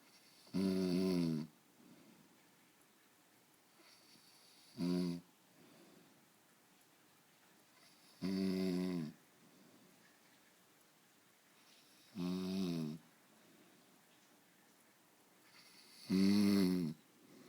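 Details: Adult man beginning to snore lightly: five short, loud, throaty snorts at about 15 breaths a minute, with quiet breathing between; snoring.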